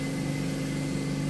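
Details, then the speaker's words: Continuous low motor hum and droning rush of an ear wax removal suction machine with a small suction tube, demonstrated running in a clinic; suction machine running. "so this works but yeah that button there and that's attached to this suction tube now as you can see it's pretty small"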